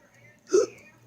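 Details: A single abrupt, voiced hiccup catch in a quiet room.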